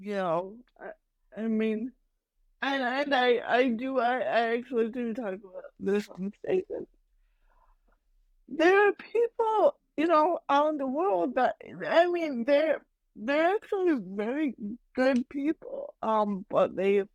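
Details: Adult woman with mild cerebral palsy that she says mainly affects her speech and motor skills, speaking in a podcast interview; dysarthria (cerebral palsy).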